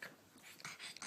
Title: Pug breathing noises